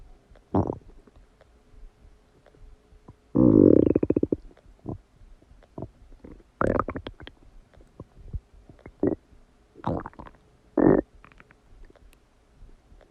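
Loud gurgling and rumbling stomach noises come in irregular bursts, typical of active digestion after a meal.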